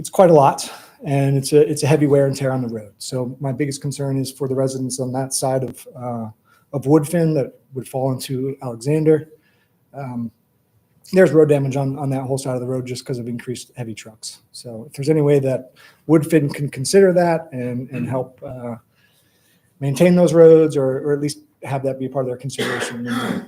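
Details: Adult speaker; normal voice.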